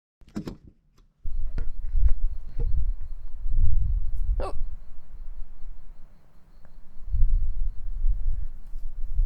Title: しゃっくりの音/Hiccup sound